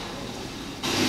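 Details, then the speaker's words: Fine crinkling crackles building late in inspiration, played as a teaching recording: late inspiratory crackles, typical of pulmonary fibrosis. "so these crinkling sounds are called many things if you're in England they call them citations if you're in France they call them RS"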